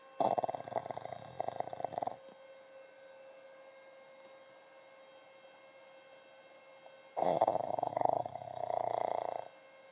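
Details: Elderly pug dog, Olaf, asleep on a sofa: two long, rattling, fluttery breaths separated by a quiet pause over steady room hum; snoring.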